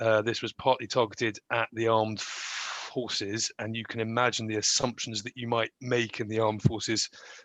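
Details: Adult who stammers, speaking in real life; stammering with sound prolongation.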